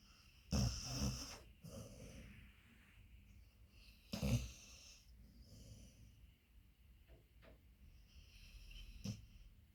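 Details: Beagle dog sleeping on owner's leg, snoring loudly: irregular snorting snores and softer breathy noises with short sniffs.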